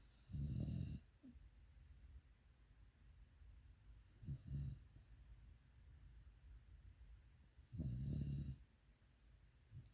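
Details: Pitbull dog snoring while asleep: deep, loud, rattling snores in three bursts with softer breaths between them.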